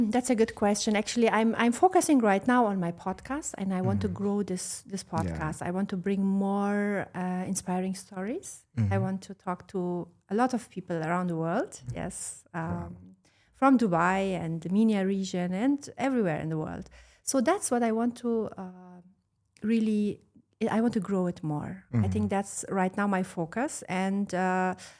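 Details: Adult woman speaking; normal speech.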